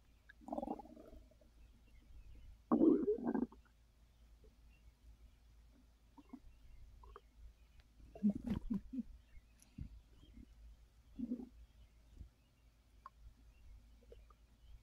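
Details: Soft scattered gurgles and low rumbles with quiet gaps from a full belly while trying to rest after a gummy caused overeating: normal digestion borborygmi.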